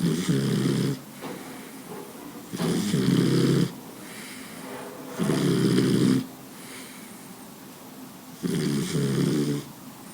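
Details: Sleeping Boxer dog snoring: loud, rattling, low snores about 23 a minute with quieter breaths between.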